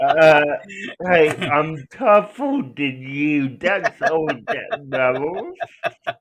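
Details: Adult male speaker; dysarthria (cerebral palsy).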